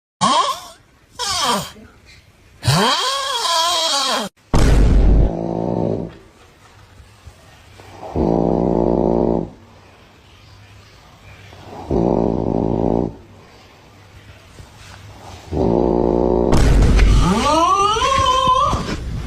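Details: Deep, buzzing snores repeating about every three to four seconds, mixed with other comic sounds at the start and end; snoring.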